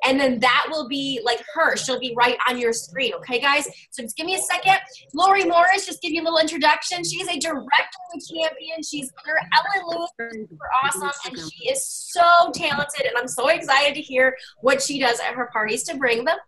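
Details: Adult woman speaking; Normal speech.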